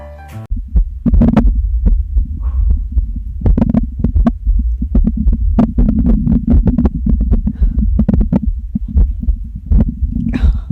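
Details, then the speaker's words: Girl's hungry stomach growling: continuous low gurgling rumble with many quick pops and squelches; normal gut sounds. "it's okay oh it's okay tummy we'll feed you soon"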